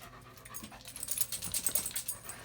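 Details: Older German Shepherd with rear leg weakness, after a chiropractic adjustment, released to stretch: quick, repeated breathy huffs growing louder midway, panting.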